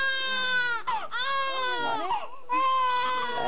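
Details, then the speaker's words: Newborn baby boy crying loudly at a high pitch, rhythmically, with short breaks for breath; the strong normal cry of a newborn. "just 6 all noise that's a boy sh develop their lungs"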